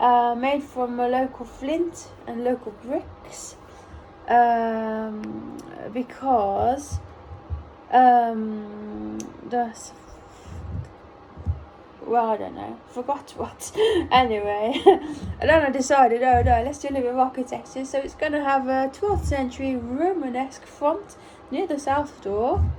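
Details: Autistic adult almost one year after a ruptured brain aneurysm, speaking in recovery with apraxia of speech from the brain injury.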